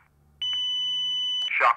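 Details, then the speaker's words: ZOLL AED Plus fully automatic AED, demonstration: after the shockable-rhythm countdown ("don't touch patient, shock will be delivered in three two one"), a steady high tone of about a second with a click as the shock is delivered automatically, then a voice prompt. "if and when the heart analysis detects a shockable heart rhythm don't touch patient shock will be delivered in three two one"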